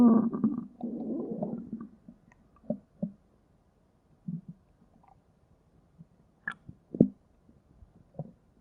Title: Stomach Growling V4